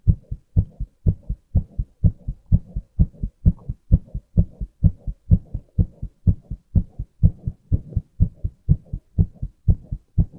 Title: Male Heartbeat